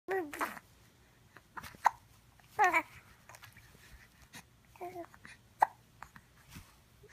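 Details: Infant aged 2.5 months babbling softly while brief, sharp hiccups break in at irregular intervals during morning talk; ordinary hiccups.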